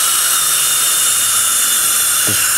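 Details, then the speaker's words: Dental handpiece with diamond bur and water spray adjusting the bite on glazed porcelain restorations after cementation, in circular motions: loud continuous high-pitched whine with water spray hiss. "same thing just circular motions"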